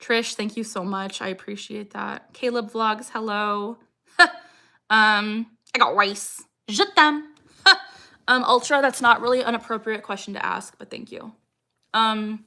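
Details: 26-year-old woman with Tourette syndrome, tics since age 3 or 4, diagnosed at 12; her frequent "I got rice" vocal tic has lasted about six years, and her tics increase when discussing Tourette's: Tourette syndrome vocal tics.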